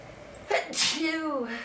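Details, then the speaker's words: Person with a horrible cold and stuffy nose trying to make themselves sneeze: quick inward catch, then one forceful sneeze trailing into a voiced groan — sneeze with a head cold. "I'm all stuffy. I got a horrible cold. I'm gonna try to make myself sneeze. Maybe it'll help."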